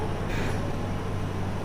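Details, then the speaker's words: Running oxygen concentrator drawing room air through its side air filter to supply oxygen to a patient: steady low motor hum and drone. "तो इसके side में एक air filter दिया होता है यहाँ पे, जिससे ये अपनी एयर इन्वायरमेंट की है ये खींचता है और ये इन्वायरमेंट की एयर को लेके उसमें से जो ऑक्सीजन की मात्रा होती है उस ऑक्सीजन को पेशेंट को प्रोवाइड करवाता है।"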